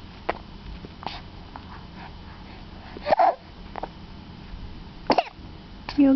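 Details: A child gives a few short, husky bursts, a laugh that sounds like a cough.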